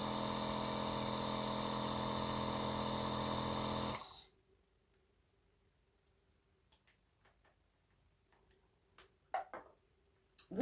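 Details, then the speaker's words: Compressor nebulizer (B.Well) running with saline for an adult woman's dry cough: loud steady motor buzz, then switching off, leaving a quiet room. "покажу значит смотрите вот я включаю и видите пошёл пар Вот это уже лекарство это уже физраствор вот уже пошёл пар всё это сейчас буду дышать и всё лекарство весь физраствор Пойдёт у меня в мои бронхи"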